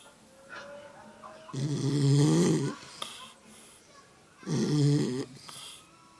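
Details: Sleeping pet dog snoring: two loud, low, vibrating snores about three seconds apart with softer breaths between, near 20 breaths a minute; owner says it snores more than they do.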